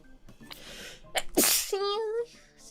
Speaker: I'm going to sneeze. Oh, [snorts] sneezed so hard I killed my audio.